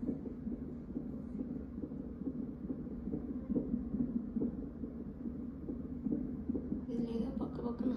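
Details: Rapid, steady whooshing pulses, about 140 a minute, over a low hum: a fetal heartbeat on a monitor in the normal range, recorded around a caesarean-section birth.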